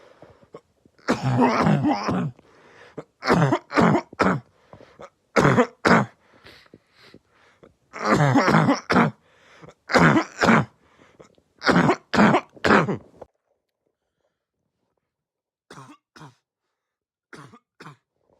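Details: Repeated harsh, loud coughs in clusters, a barking cough from irritated upper airways, from a barking cough compilation.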